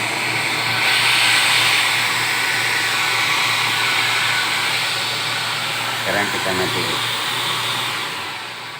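Steady loud rushing, airflow hiss with a low hum, a brief faint sound midway; a dental aerosol suction unit running.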